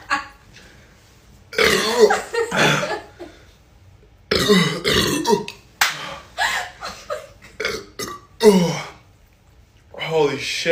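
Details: Compilation of boys burping: several loud, drawn-out throaty belches in a row with brief pauses between them, amid laughter; typical burping.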